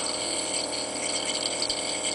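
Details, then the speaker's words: Adult during an asthma attack, near the end of a nebulizer treatment, shaking it for the last medication: steady loud hiss with faint gurgling of the nebulizer misting. "I know you can't hear me so well with the nebulizer going"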